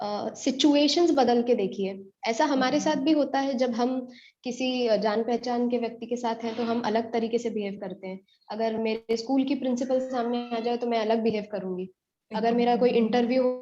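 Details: Adult woman speaking Hindi; normal speech.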